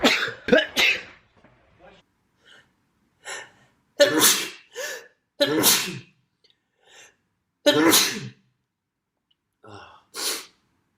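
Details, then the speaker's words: Sneezing fit: a run of about five forceful sneezes with sharp inhaled catches between them. "you keep sneezing and you're just sneezing and sneezing and you can't stop sneezing that was me yesterday"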